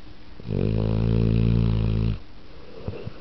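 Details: Pit bull snoring in daylight as the owner watches TV: one long, deep, vibrating snore lasting over a second and a half, with light room noise.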